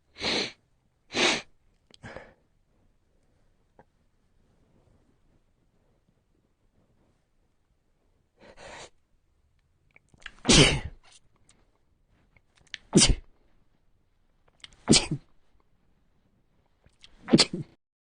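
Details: Sneezes induced with a 3D-printed stand tool, first one nostril then the other: about eight sharp, hissing sneeze bursts in two runs separated by a quiet pause; repeated sneezing.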